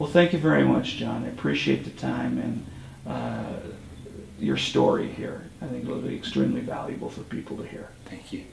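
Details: Adult male speaker; typical voice.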